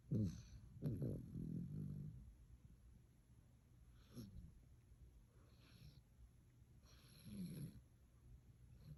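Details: A sleeping puppy snoring: soft, low snoring breaths with small snorts, several over a few seconds, against quiet room noise.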